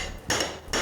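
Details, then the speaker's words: Hip replacement demonstration on a model bone: two sharp metallic mallet strikes driving a temporary femoral broach, the conventional repeated hammering some surgeons time to a rhythm, shown before a powered impaction device. "원래는 원래는 이렇게 망치를 사용해서 이렇게 과정을 되풀이하게 돼요 수술하는 분들에 따라서 여기다 박자를 맞추기도 해요"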